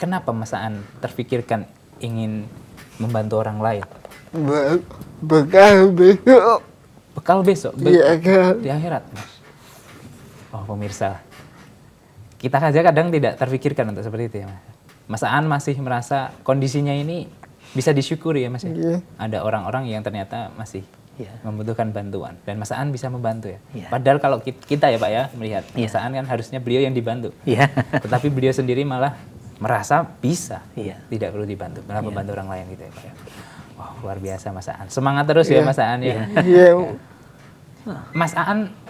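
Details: Adult speaker, with brief replies from another person; normal speech.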